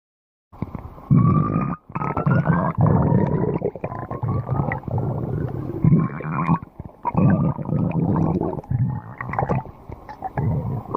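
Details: Loud, prolonged gurgling and rumbling from the belly: stomach growling (borborygmi).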